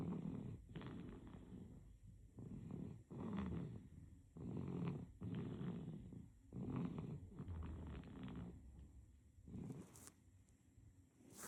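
Uneven snoring rasps on breathing, about 30 breaths a minute, fading toward the end; infant snoring during sleep.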